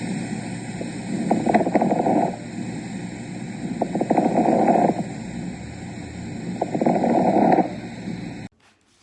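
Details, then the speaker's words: Fine crackles in an educational demonstration: three breaths with brief, soft, high-pitched crackling pops late in each inspiration, shorter, higher and more delicate than coarse crackles. "Para diferenciarlos de, por ejemplo, los extores gruesos, estos son un poco más agudos. más cortos y podría decirse que son más delicados que los estertores gruesos, por ejemplo."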